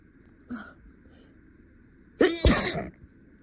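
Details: Staged scenario of an adult acting a lawyer sneezing in court, holding back sneezes and getting stuffy: a single loud sneeze after a quiet pause mid-speech.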